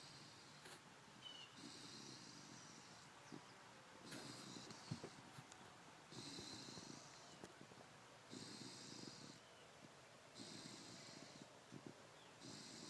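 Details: Soft, hissing, rattly breaths about every two seconds, near thirty a minute, from a sleeping pitbull dog in a quiet room; light snoring.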